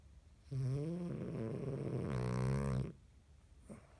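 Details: Long, loud, rattling snore fluttering through each breath from a sleeping French Bulldog puppy who tends to snore loudly after a tough day; snoring.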